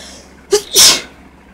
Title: Induced Sneezes! #3